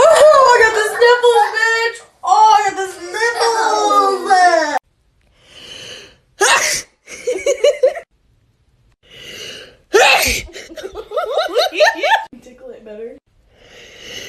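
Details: Girl undergoing a COVID-19 nasal swab test: a short, high-pitched swab-induced sneeze among voices and laughter.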